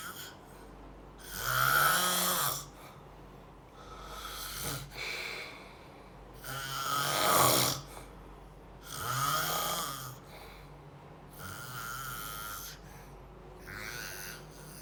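Loud, rattling snores at about 11 breaths a minute, with quieter breathing between them, against a steady low room hum.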